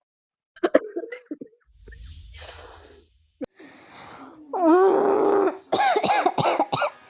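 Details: Compilation of harsh, repeated wet-sounding coughs with throat clearing and strained, wheezy exhalations between bouts; smoker's cough.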